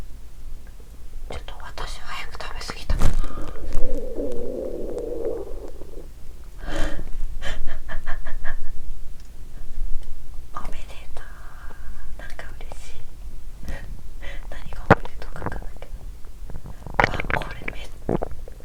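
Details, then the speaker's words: Small, soft bowel sounds recorded from an adult woman's abdomen the day after finishing a 7-day fast, capturing active stomach movement. "The sound of my stomach is small, but I was able to capture how my stomach moved actively."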